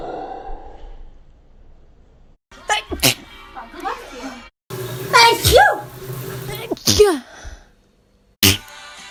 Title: Notable Sneezes of 2018-19